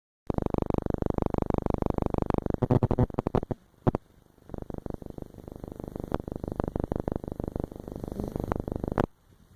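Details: Snoring from a beagle puppy sleeping soundly.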